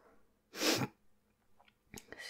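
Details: Acted sneeze by a woman playing a female superhero with a cold and fever in a roleplay: one sharp, explosive sneeze followed by soft breathing in a quiet room.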